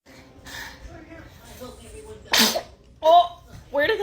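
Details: Infant sneeze: a single sharp, sudden sneeze, followed by an adult's soft voice saying bless you; ordinary, harmless sneeze.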